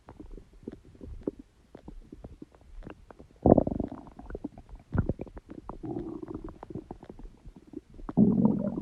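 Steady bubbling gurgles with longer rolling rumbles from the belly; ordinary stomach growling from gas and fluid moving through the gut.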